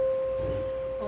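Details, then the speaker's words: Student nurse's Rinne test demonstration: struck tuning fork placed on the mastoid bone behind the ear gives a pure, steady ringing tone as bone conduction is compared with air conduction. "okay then now i will try the tuning fork and places it on the mustard bone behind your ear okay"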